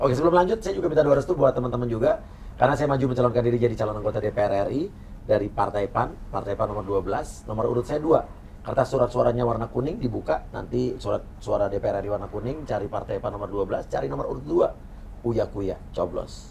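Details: Adult man speaking; normal speech.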